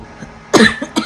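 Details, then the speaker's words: Adult woman (grandmother) with an ongoing cough while eating frozen crunchy ice cream cake: a single sharp cough followed by two softer throaty bursts in a quiet room. "mm uubuhin na naman ako nito"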